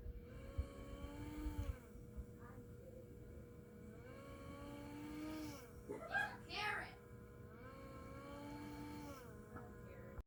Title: Whirring noise on cpap machine